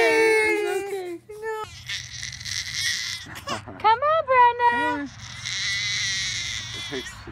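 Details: An infant cries in rising and falling wails while an adult speaks soothingly in the background.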